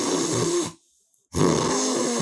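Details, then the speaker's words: Imitation of snoring demonstrating sleep apnea mechanism, jaw and tongue falling back to narrow the airway: two rough, rattling snores separated by a brief silence as air squeezes through the narrowed throat. "그러면 이렇게 보시면이 부분이 통로가 이렇게 충분하게 열려 있을 때는 아무 소리도 나지 않지만 이렇게 막혔어요 그럼 공기가 가다가이 좁은 틈을 겨우겨우 빠져나갈 때"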